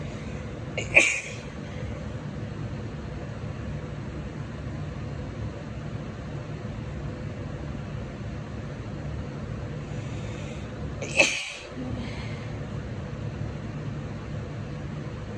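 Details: Female, chilly, tickly sneezes: two abrupt sneezes about ten seconds apart over a steady, traffic-like background hum; sneezing.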